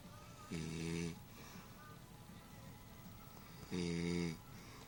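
Two low, rumbling snores about three seconds apart over steady room noise; regular snoring during sleep.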